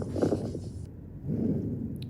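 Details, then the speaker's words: Idiopathic pulmonary fibrosis: fine bilateral basal inspiratory "Velcro" crackles that disappear during expiration; fine inspiratory crackles. "Coming finding they will have digital clubbing and bilateral inspiratory crackles at the base of the lung. Classically described as Velcro crackles."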